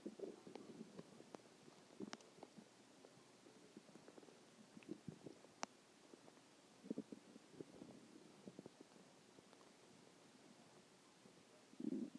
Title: stomach growling 2